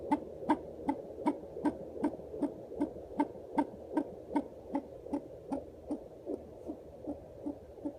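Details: Fetal heartbeat on a doppler at 35 weeks of pregnancy: fast, steady whooshing pulses at about 155 beats a minute.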